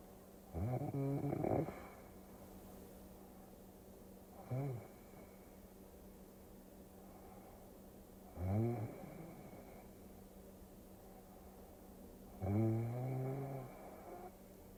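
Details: Snoring during sleep, from a sleep-aid ASMR recording: four rough, vibrating inspiratory snores, roughly 15 a minute, with quiet pauses between them and a steady background hum.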